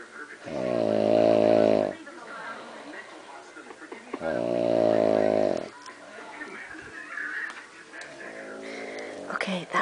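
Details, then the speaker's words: Mother snoring at 1 a.m.: loud, rattling inhaled snores about two seconds long, roughly one breath every four seconds, with quieter exhalations between; heavy snoring. "that was Mom snoring. It's 1 o'clock in the morning, Monday night, and I just want everybody to know what a bad snorer she is."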